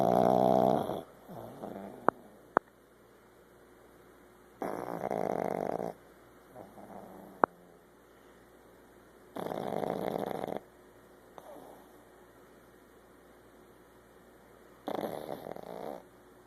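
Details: Female pug nearly one year old who snores all the time, reportedly not needing airway surgery: snorting, rattling snores on each breath in about every five seconds, softer breaths out, a few clicks.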